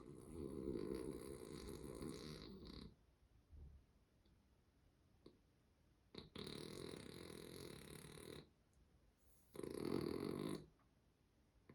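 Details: Sleeping female dog, wearing a shawl over a neck bite wound from a week ago, gives three loud, rough, rattling snores with quiet pauses, about fifteen breaths a minute; has snored this way since puppyhood: snoring.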